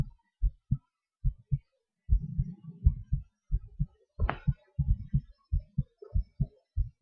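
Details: Person's own heartbeat recorded during breath-holds, panting and hyperventilation: soft, low paired beats at an uneven pace with a stretch of muffled rumbling; normal heart sounds with changing heart rate.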